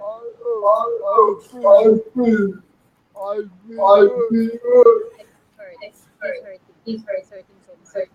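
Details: Dysarthria in an adult man with severe cerebral palsy and physical disabilities.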